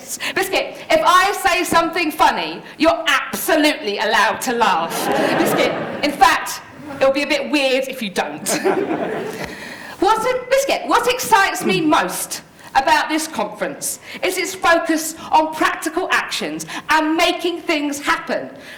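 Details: Woman with Tourette syndrome, a neurological condition causing uncontrollable movements and noises, including repeated words; Tourette syndrome vocal tics.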